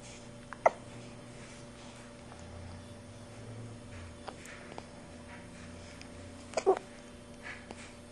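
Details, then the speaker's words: Orange cat with hiccups: two brief, abrupt clicking sounds several seconds apart over quiet room hum; hiccups not yet going away. "You alright, buddy? You got hiccups, little man? Yeah. They going away yet? No. Alright, maybe soon."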